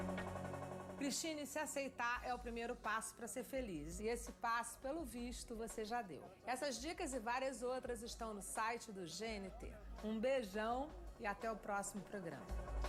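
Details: Adult woman; fluent speech.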